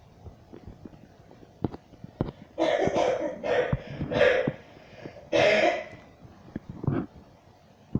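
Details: Mother coughing: four loud, harsh cough bursts close together, faint clicks and quiet room noise; cough.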